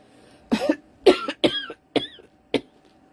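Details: Adult who feels sick and thought it might be COVID but could not test, has no fever, and took hydrocodone with Ativan: a run of five short, harsh coughs in quick succession in a quiet room.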